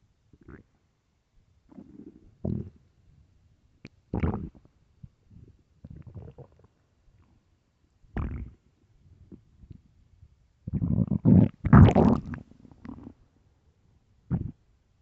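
Loud, deep, irregular gurgling rumbles with a long rolling growl near the end, typical of an empty stomach; normal.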